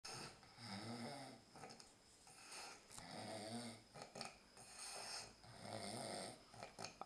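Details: Ken, a Pancho look-alike, snoring while sleeping, looking very uncomfortable.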